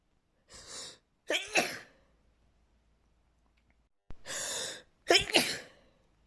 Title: uncontrollable sneezing and nose blowing